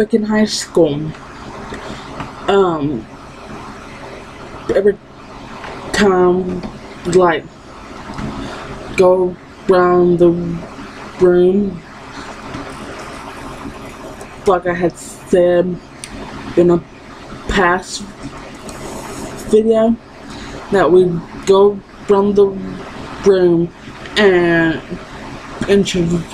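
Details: Woman who has stuttered her entire life and still stutters despite speech therapy; finding: stuttering.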